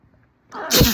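Quiet in-breath, then a single loud, explosive burst of air through the nose and mouth: one sneeze.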